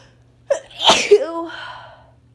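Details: Person with a cold, day 3, sneezes painful to the throat: a single sharp sneeze, brief intake then explosive burst trailing into a voiced tail; sneeze.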